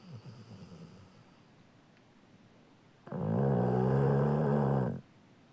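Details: Sleeping Labrador Retriever dog snoring: a quieter breath followed by a loud, rumbling two-second snore with deep, throaty vibration on inhalation.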